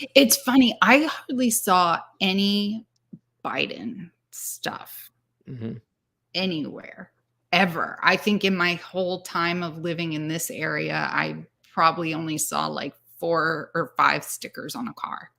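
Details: Adult speaker; normal speech.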